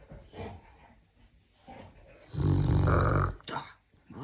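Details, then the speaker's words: Sleeping Cane Corso dog snoring: a loud, low, rumbling snore lasting about a second, between softer snuffling breaths. "Ну ты всё храпишь храпун Ух какой храпун Ну храпун тебе надо в конкурсе храпунов участвовать ты 100% победишь ой храпун ты"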